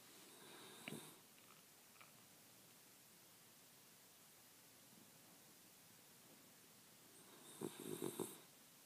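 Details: Eight-year-old female Shiba Inu asleep in her owner's arms gives two soft, rattly snores several seconds apart in a quiet room; she tends to twitch while dreaming. Ordinary dog snoring.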